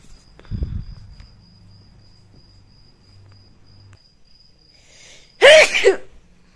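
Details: A single loud, wet, uncovered messy sneeze after a quiet stretch, with faint insect chirping in the background; sneeze.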